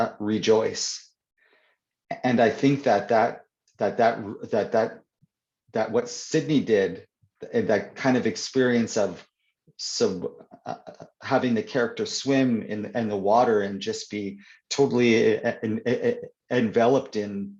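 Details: Stuttering (stammering) in an adult man who stutters; word and phrase repetitions are audible in spontaneous interview speech.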